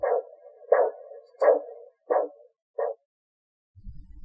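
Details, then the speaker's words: Korotkoff sounds during a manual blood pressure demonstration: the thumping pulse fades as cuff gauge pressure drops until it stops, marking diastolic pressure; the example patient's systolic was 112. "it will start to fade as the gauge pressure continues to drop until you eventually stop hearing the thumping at all"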